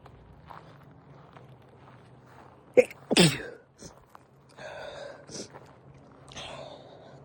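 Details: Person sneezing outdoors onto a nose-shaped leaf: a quick sharp intake, one loud explosive sneeze, then light breathing and rustling.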